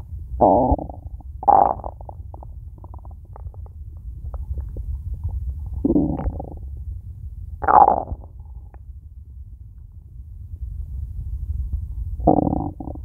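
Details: Several separate low gurgling rumbles over a quiet background from an empty stomach, with nothing eaten yet today; hunger stomach growling (borborygmi).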